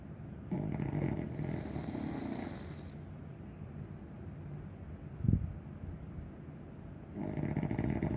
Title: THE SNORING DOGS😄OZIE AND DOXIE🤪